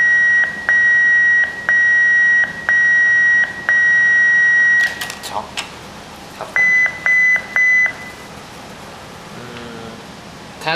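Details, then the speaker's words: Defibrillator user pretest with AC power disconnected, 150 J selected: steady repeating high-pitched charging beeps, clicks, then a faster run of shock-ready tones; charge should take 3–5 seconds with a good battery. "เครื่องที่แบตเตอรี่ดีตามสเปคเครื่องจะกำหนดไว้ว่าเอ่อเอชาร์จช็อกที่150จูน33วินาทีหรือ5วินาทีต้องได้ช็อก"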